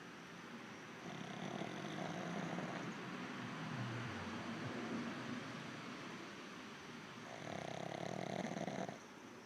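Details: Dog named Zoey snoring heavily: loud, rough rattling breaths in two long bursts with a quieter stretch between, over steady room noise; snoring.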